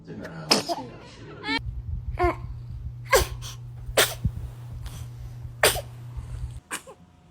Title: Baby sneezes